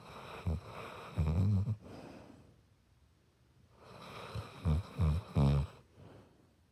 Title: Zeus has the cutest snore! #pitbull